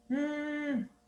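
A single sustained voiced groan, steady then dropping in pitch and fading, imitating the expiratory grunting of an infant with bronchiolitis.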